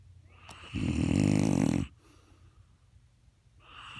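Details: A father snoring: one loud, coarse, rattling snore on a breath in, followed by quiet breathing.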